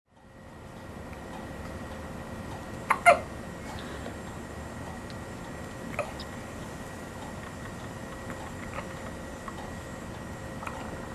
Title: 1 minute of hiccups